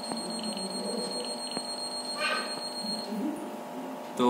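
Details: Woodpex III Gold Standard dental apex locator, newly unboxed, tested outside the mouth on full battery: high steady electronic beeping signalling a reading, with faint room noise.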